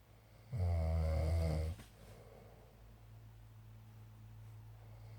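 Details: A man snoring: a single loud, deep, buzzing snore lasting over a second, then quiet breathing with low room hum.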